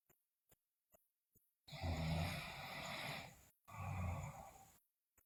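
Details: Sleeping girl snoring loudly, with bruxism and delirium reported: two loud, rough, low-pitched inspiratory snores with a few faint clicks in the silence before them; heavy snoring.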